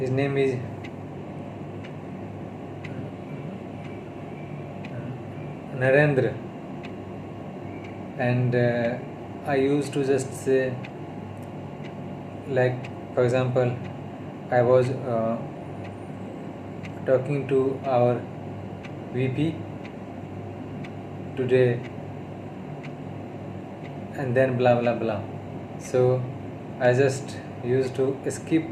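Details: Adult male who stammers, on day 32 of speech therapy, speaking mixed Hindi and English while practising saying names; stuttering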